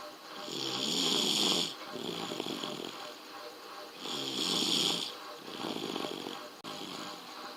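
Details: A sleeping baby snores softly and airily, with a slight whistle on inhalation, about two breaths in seven seconds; snoring.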